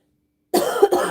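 Short, harsh double cough after silence, in an adult with a respiratory illness.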